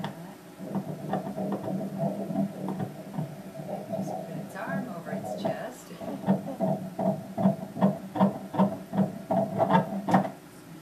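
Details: The fetal heartbeat of a baby boy at 18 weeks 4 days of pregnancy, heard during an ultrasound scan. It is a rapid, regular, whooshing beat in the 150s per minute, and the heart rate was reported as normal.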